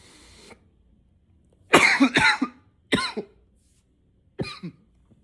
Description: this cough is nonstop...